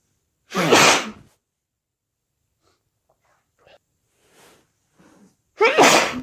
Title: more wet sneezes